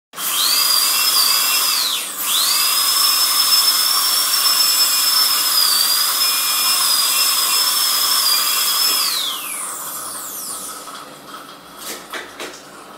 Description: Dentist drill sound effect. Hospital, medical sounds.